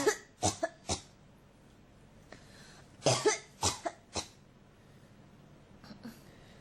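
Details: Two fits of short, harsh coughs, about nine in all, separated by a quiet pause: a persistent, repetitive cough in an adult.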